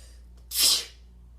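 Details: Sneezing while sitting: a single sharp, hissing burst of air against quiet room noise.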